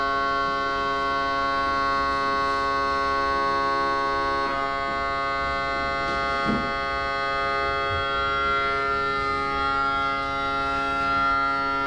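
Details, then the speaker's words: Simulated MRI scanner noise from a rocket-shaped play MRI simulator at a children's hospital, used to prepare children for real MRI exams: loud, steady droning and whining tones with rhythmic pulsing that reproduce real MRI noise. "Alors bien sûr, on va avoir le bruit dans cette machine, l'IRM en jeu, qui ressemble le plus fortement, qui est le bruit exact de l'IRM."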